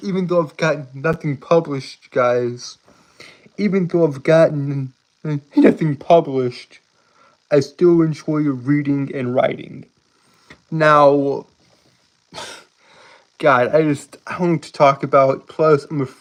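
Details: Adult man with a self-reported speech impediment causing stuttering and tripping over words, speaking on a live stream; many repeated words and phrases; stuttering.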